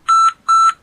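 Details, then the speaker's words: Pulse oximeter low-saturation emergency alarm in an anaesthesia safety training on pulse oximetry, signalling SpO2 at or below 90%, indicating hypoxia: two loud, steady electronic beeps. "hay cuatro alarmas posibles emergencia de saturación baja alerta de s&p o 2d o por debajo del 90% indicando hipoxia en"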